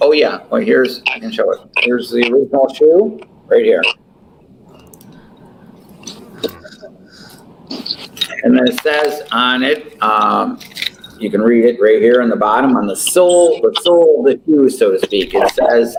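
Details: Adult male speaker; ordinary speech.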